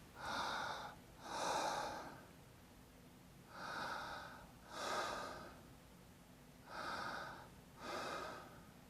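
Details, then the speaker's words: Soft breath pairs imitated by mouth in a teaching demo: all of inspiration heard, flowing continuously into the first third of expiration with no gap. Normal vesicular breath sounds. "now normal lung sounds are what we call vesicular sounds and what do you hear with the vesicular sound is you hear all of the inspiration and the first third of the expiration you hear a continuous sound"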